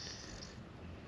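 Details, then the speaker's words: Male pet dog sleeping: a soft, low, rumbling breath noise heard faintly over steady room noise, snoring. "so to start doug's snoring yeah first step make sure the dog is snoring"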